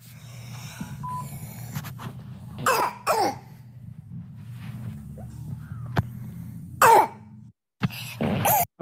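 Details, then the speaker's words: Child with croup, a viral infection just below the vocal cords (subglottis): harsh barking coughs with strained, noisy breaths between. "so you have a barky cough, and again, it's viral epidemiology. Most commonly between 12 and I would say two to four years old, most commonly. And you have this type of strider, or that squeaky noise, that is present both with inspiration and on aspiration."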